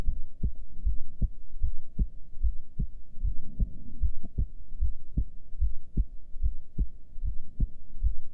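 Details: Normal heart sounds recorded during a breath hold, with a heart rate display: clear, regular paired heart thumps at roughly 75 a minute with little breath noise.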